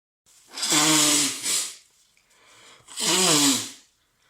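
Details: Two forceful, breathy, voiced sneezes about two seconds apart, from a male with a cold and a completely stuffed nose, sneezing rapidly in repeated sets with short breaks. Repeated sneezing with a cold.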